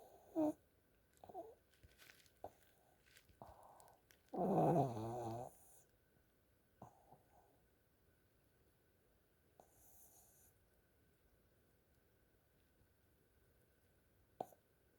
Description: remember this pug is unusual for the snoring and activities